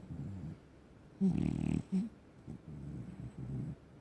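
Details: Black and tan French Bulldog snoring while asleep: loud, rough snorting snores with wheezy, rattling breaths in between.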